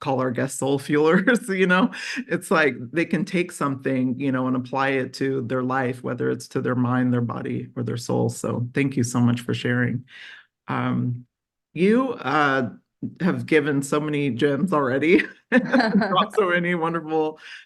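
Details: Adult speaker; no speech disorder.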